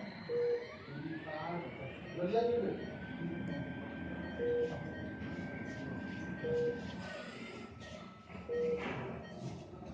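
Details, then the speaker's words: Ventilator powering on after the switch is pressed, taking about a minute, preset with parameters for a 60 kg male: short beeps about every two seconds over a steady tone and room hum. "On off switch यहाँ है. On हो रहा है, एक minute का समय लेता है."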